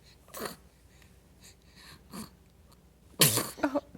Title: Tuesday sneezes